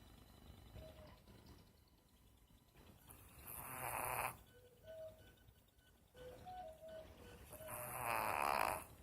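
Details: Ordinary snoring from a sleeping animal: two long rattling snores a few seconds apart, faint music in the background.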